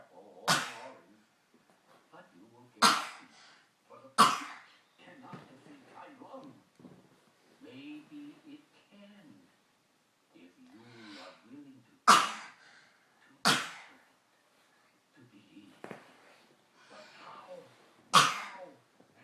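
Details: A female dog with a chronic cough of about 3 weeks gives six sharp, forceful coughs in separate bouts, with television dialogue in the background.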